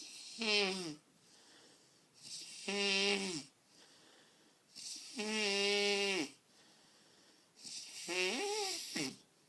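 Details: Snoring: loud rhythmic snores on each in-breath, about 24 a minute, with a buzzing, voiced quality and quieter out-breaths between them.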